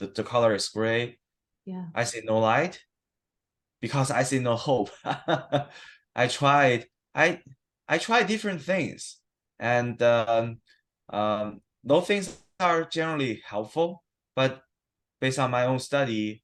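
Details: Adult man who stutters, recorded at a check-in after 7-8 weeks of stuttering therapy that did not use physical strategies or stuttering control; he reports sometimes having severe stuttering in conversations. Stuttering.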